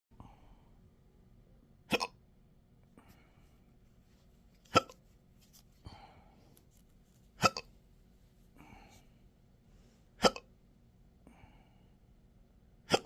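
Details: Person with intractable hiccups since December 2015, with breathing and choking spasms, burps and developing achalasia III, in 12-hour episodes daily. Sharp hiccups about every 2.7 seconds, roughly 11/min, with faint breathy noises between.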